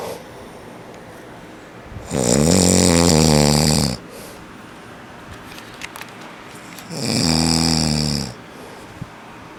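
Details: Sleeping adult man (a father), known as a loud snorer: loud, deep, vibrating snores on two breaths about five seconds apart, with quiet pauses between; snoring.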